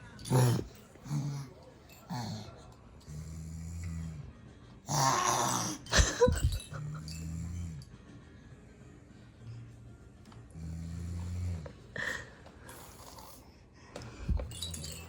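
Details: Baby imitating an older sister's snoring while she sleeps nearby, making repeated low, rumbling snore-like noises with soft household sounds between; imitated snoring.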